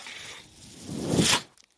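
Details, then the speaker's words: The speaker's own mechanical ventilator, heard while he talks: a brief mechanical whoosh with a faint click as the ventilator cycles. "My name is. That noise you're hearing is my ventilator."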